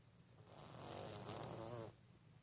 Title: CUTE CAT SNORES LIKE A HUMAN!